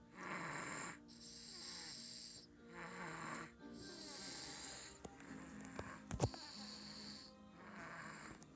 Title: Baby snoring with food stuck on face